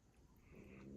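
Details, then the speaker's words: Pug snoring in the background of a quiet room: a faint, low, rumbling snort-like breath that builds over a second. "So, now again, and sorry, you can probably hear the pug snoring again."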